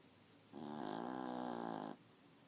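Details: Long, buzzing, fluttering snore on one breath from a sleeping dog in a quiet room; snoring.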